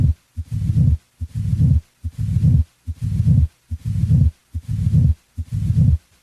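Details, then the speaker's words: Crescendo murmur: regular heartbeat at about 72 a minute, each beat followed by a low murmur that grows louder. "a crescendo murmur grows louder"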